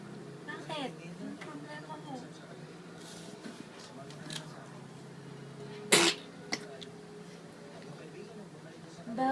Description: Watch Ikotch smell the K-pups and sneeze like he's having an allergy. Hilarious!